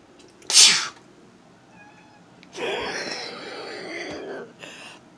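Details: A man gives one sharp, hissing sneeze, then a pet cat gives a drawn-out meow; the cat meows in response to each of his sneezes: sneezing.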